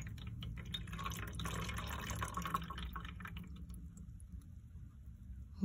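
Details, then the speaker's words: Quiet trickling and splashing as urine drains into a container after releasing the clamp on a Foley catheter drainage bag. "once you release that you can see it came out and all the urine is gonna pour out into the container"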